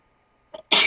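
A brief catching inhalation followed by an abrupt, explosive hissing burst, cut off at the end: a sneeze.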